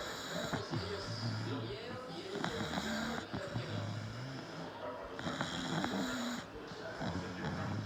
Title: Bulldog snoring